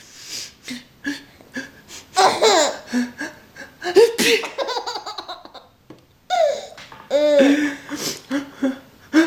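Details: Early morning after breakfast: a few ordinary sneezes mixed with a baby's giggling and breathy laughter, with gasps between; sneezing.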